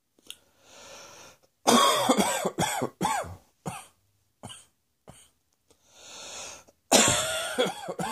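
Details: Morning reflux cough on waking: repeated harsh, wet-edged coughs and throat clearing between audible breaths in.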